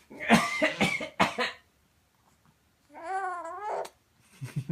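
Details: An infant girl gives a run of short, breathy coughs, then a rising voiced squeal, laugh-like, and more coughs, near feeding time.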